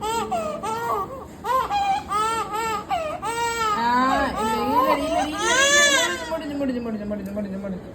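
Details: A 1-month-old baby cries loudly in rising, strained bursts after first vaccination, with an adult voice murmuring comfort nearby.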